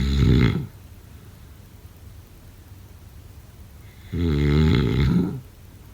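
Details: Two loud, low, vibrating snores about four seconds apart with quiet in between; heavy snoring during sleep.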